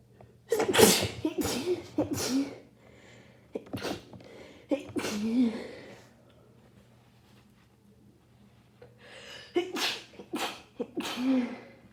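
Several forceful sneezes in quick succession with sharp inhaled build-ups between them, as in repeated sneezing during a cold.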